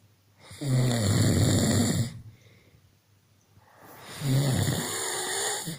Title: This is how guys snore 😴😂